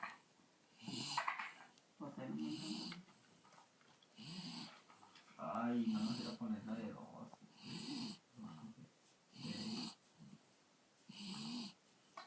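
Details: El Monky snoring: repeated soft, nasal snorting snores, about seven breaths in twelve seconds, with a faint hiss on each breath.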